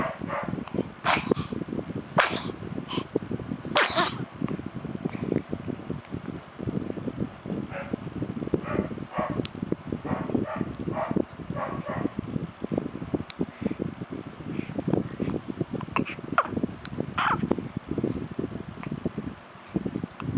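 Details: Baby sneezing: several sharp, explosive sneezes among steady snuffling and rustling noise.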